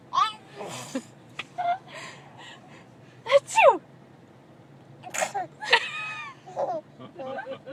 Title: Sneezing Baby!!!